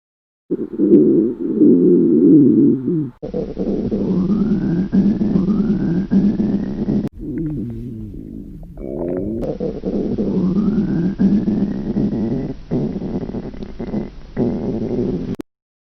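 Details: Recreation of girls' hungry stomach growls heard in a movie theatre: long low gurgling rumbles with rising whine-like tones; borborygmi.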